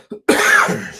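A faint throat sound, then one abrupt, forceful cough that trails off over a fraction of a second; a single adult cough.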